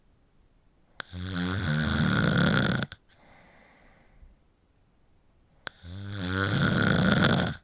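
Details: Two long, loud, fluttering snores, each about two seconds, with quiet breathing between; heavy adult snoring during sleep.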